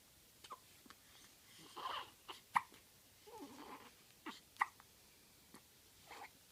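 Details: Person on the fourth day of hiccups: soft, brief catching sounds repeating irregularly, about 29 a minute, in a quiet room; hiccups.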